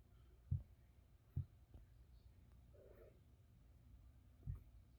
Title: my cat has the hiccups